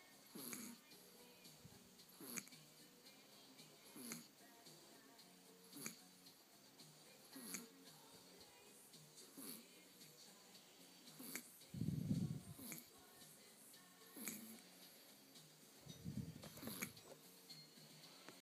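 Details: Soft, irregular snuffly noises with each breath and a few louder rattling snores from a sleeping baby girl; light infant snoring.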